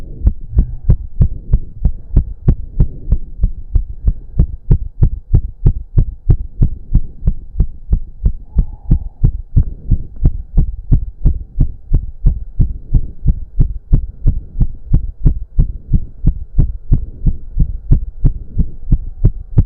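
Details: Male during a 15-minute intense cardio workout with heavy breathing: strong, very fast, regular heartbeat pounding about 180 per minute over a low hum, which the man himself put close to 200 bpm; exercise-induced sinus tachycardia.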